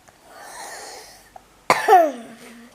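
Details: A single sharp cough from a reader who is ill while reading a bedtime fairy tale aloud, followed by a voiced, squeaky catch of breath after soft room noise.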